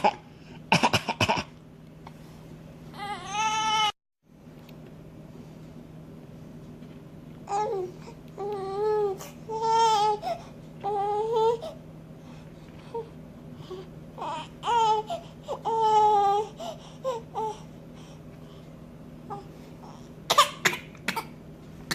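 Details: Infant, angry and fussing, gives short forced coughs between whiny vocalizations to get attention: voluntary cough.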